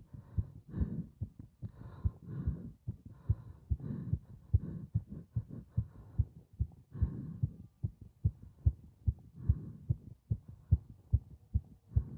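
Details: Heart sounds recorded during paper-bag breathing (part 3): a regular heartbeat with deep thumps at roughly 70 a minute; heart sounds.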